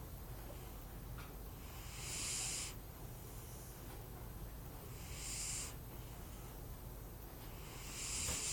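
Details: Soft, regular breathy snores about 21 a minute over steady background hum from a pet cat asleep; cat snoring.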